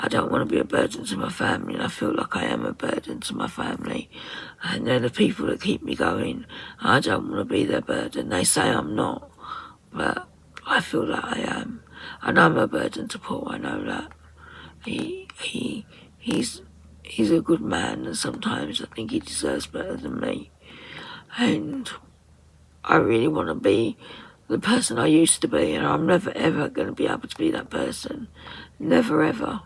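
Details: Woman with muscle tension dysphonia (very tight, stressed muscles around the vocal cords), also affecting swallowing, severe at times, attending speech therapy; about 4 months' duration.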